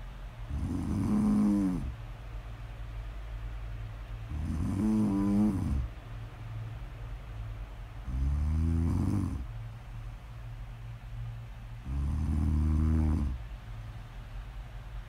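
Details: Snoring, presented as ASMR snore audio: four rough, rattling snores on the in-breath, evenly spaced at about 16 breaths per minute, with a steady background hum.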